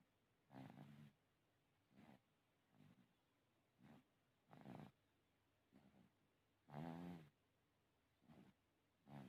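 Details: Small infant snoring in deep, sound sleep: soft, low rattling snores with breaths at about 26 a minute.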